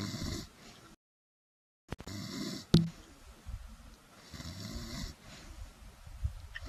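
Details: Snoring: low, rumbling breaths with soft snorts, interrupted by a gap and a brief sharp noise.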